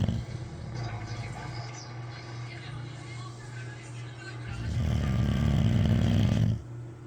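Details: Sleeping Boxer dog snoring: low, rough, fluttering snores building to one long loud snore, with faint television talk in the background.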